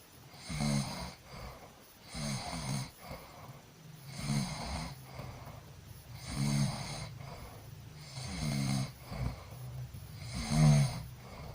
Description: jika anda berada di tengah tengah teman yang tidurnya mendengkur, apakah Anda dapat tidur?